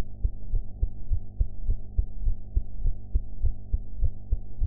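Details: Own heart sounds recorded after eating, audio quality enhanced afterwards: regular low thumping heartbeat at about 100 beats a minute under a steady low hum; normal heart sounds.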